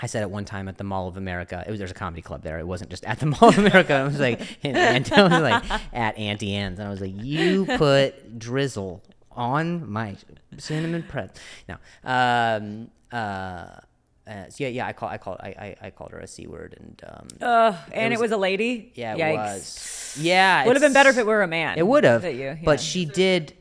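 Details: Adult male comedian with a stutter who also mentions a past injury; real, unscripted speech with word and phrase repetitions; stuttering.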